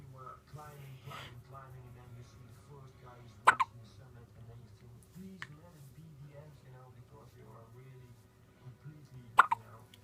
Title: Hiccups at 8 days old